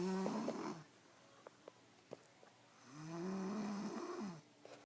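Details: Person snoring while knocked out and exhausted after a full dance day: two loud, rattling, buzzy snores, each about a second long, with a quiet pause and a few soft clicks between them.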